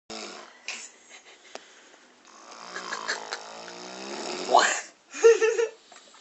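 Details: Loud, rattling, irregular snoring with grunting, gurgling breaths during sleep; snoring.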